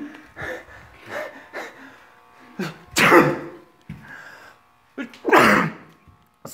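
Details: Friends sneezing together playfully, possibly fake: several loud, explosive sneeze-like bursts with short breaths between them in a small room; sneezing.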